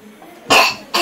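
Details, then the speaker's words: A child at a village paramedic's examination, asked to show how they cough, gives one harsh voluntary cough burst and starts a second. "А покашляй, как ты кашляешь. Ну-ка, еще покажи."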